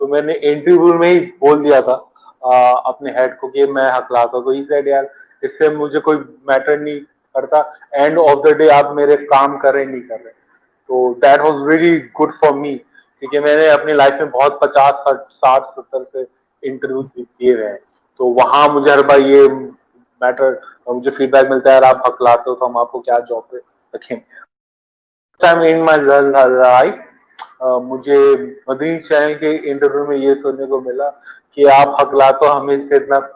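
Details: Adult man who stammers, a founder member of a stammering support group; stuttering.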